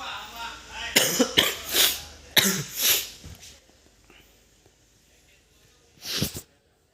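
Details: Several sharp, raspy cough-like bursts close together, then one more after a pause, from a bird coughing before walking.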